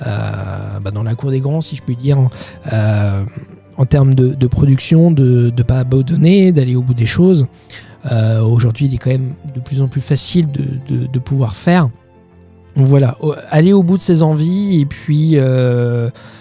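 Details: 31-year-old man with stuttering that he says is now mild after working on it a lot; stuttering.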